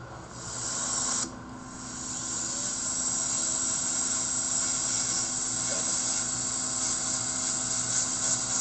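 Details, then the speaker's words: Dental handpiece polishing a CEREC crown restoration after seating and occlusion check, possibly with Diashine polish: steady high-pitched hissing whine of the handpiece. "okay last step is to polish the restoration and or re-polish it rather and I'm going to use a series of access points and I might use a little more dye shine as well"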